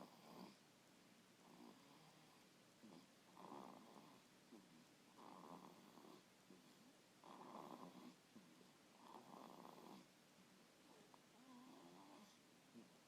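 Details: Snoring while asleep in a swing: soft, regular snores, about seven over thirteen seconds, each a brief rough breath in a quiet room.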